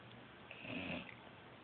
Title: Snoring